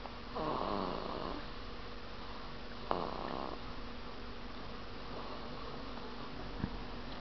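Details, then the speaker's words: Baby girl snoring while asleep on her father's tummy, described as a very good sleeper: two soft, rasping breath sounds against steady room noise. "oh my baby girl geneva thanks for making noise when she sleeps snore is just like your mommy very good sleeper"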